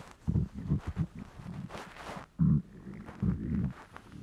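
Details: An adult male's hungry stomach rumbling: low gurgling rumbles in irregular bursts with a brief higher squeal, ordinary hunger borborygmi.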